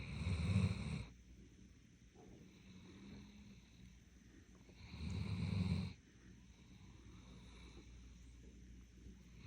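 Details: Doberman snoring in deep sleep: two low, fluttering snores about five seconds apart, with quiet breathing between over a steady background hum.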